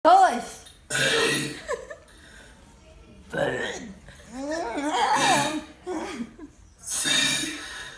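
Long voiced belches shaped into letter sounds, deliberate burped speech, with music in the background.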